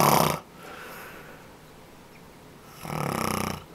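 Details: Adult man snoring in sleep, loud enough to be heard through walls and doors, and said not to be at its loudest: two loud, buzzing snores with a quiet pause between them.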